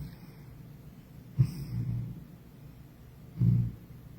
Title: POV: your cat snores 😴 #cat #cute #tabbycat #shorts